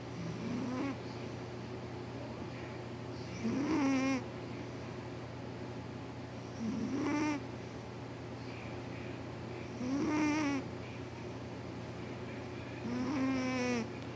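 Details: Calico cat sleeping and snoring loudly: five loud, rasping snores at a steady pace of about 19 a minute over a constant low hum.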